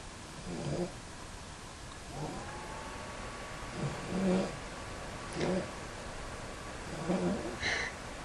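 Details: A sister asleep at night, filmed as she made noises: repeated low, rattling breathing sounds every second or two over a faint steady hum. Snoring.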